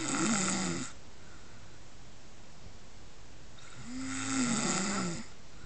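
Two loud, rough, low snoring breaths separated by a quiet pause, from a sleeping pig.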